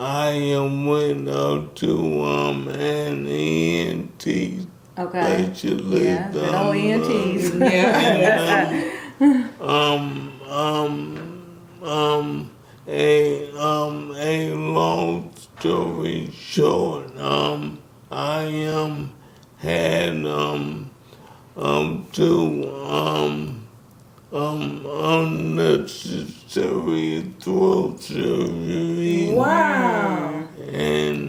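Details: Man aged 63 with ALS; symptoms began in 2017 with a raspy voice, diagnosed in 2020; the disease started by affecting his speech, and he speaks with a little delay; dysarthria due to ALS.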